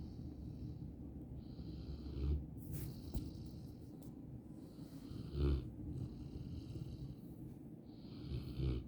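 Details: Sleeping English Mastiff puppy snoring: soft, low snores every few seconds over steady room noise.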